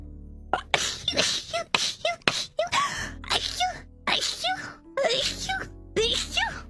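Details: Sneeze compilation: a series of sharp, breathy sneezes with voiced cries in between, over background music; repeated sneezing.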